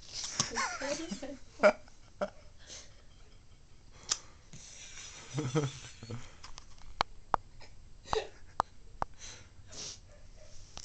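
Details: Hiccups in a 5-month-old girl: repeated short, sharp catches of breath with some breathy sounds in between.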